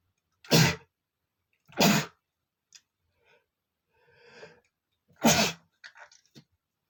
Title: male sneezing #40 (I tease my nose with a feather and then sneeze)